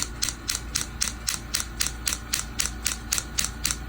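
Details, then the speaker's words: Radial shockwave therapy device treating heel pain, pulse frequency just increased: rapid regular clicking pulses about 230 a minute over a steady machine hum. "I'm gonna increase the frequency a little bit more [Music] does everyone can can hear now the frequency of the pulse is a little bit faster"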